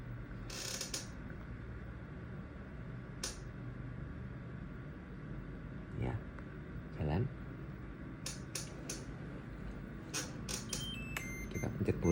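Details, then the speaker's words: A Terumo TE-LF600 infusion pump with a drip sensor running a manual bolus after restarting from a drip-abnormal alarm: infusion pump running a bolus. "Jadi, ya eh apabila tidak normal nanti tinggal di-tech, dan kita bisa pencet start lagi. Seperti itu, itu fitur eh bolus manual."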